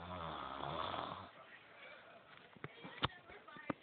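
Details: Snoring in a sleeping person: one low, rattling snore, then quiet room noise with a few soft clicks.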